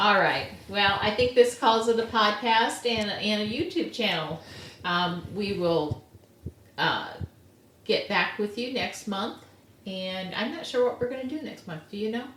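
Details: Adult speaker; conversational speech.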